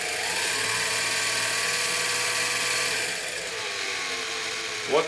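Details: Dental drill at maximum speed.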